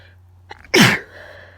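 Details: Person with a tickling, itchy nose: a brief catching intake, then one loud, wet, explosive sneeze.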